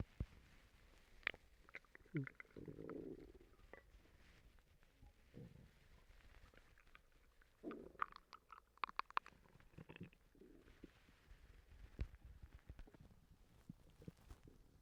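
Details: Stomach rumbling (borborygmi) from a person recently sick and vomiting: quiet gurgles and bubbling rumbles coming and going irregularly among faint clicks and room noise.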